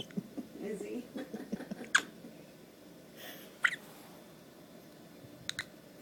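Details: Soft vocal noises with a few sharp, sudden hiccup-like catches in the breath from a baby who is also passing gas, with an adult talking nearby; ordinary infant hiccups.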